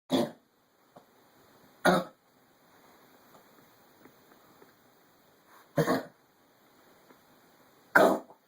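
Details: An animal coughing: four short, sharp cough bursts spaced a few seconds apart in a quiet room.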